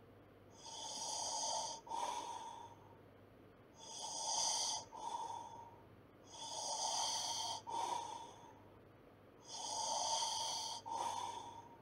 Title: 1 hour Snoring sounds | Sleeping sounds | relaxing sounds | listen if you feel lonely while sleeping